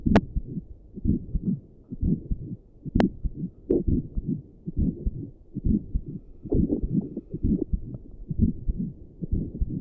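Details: Normal adult heartbeat at rest, sitting at a desk, recorded with combined Doppler and stethoscope audio.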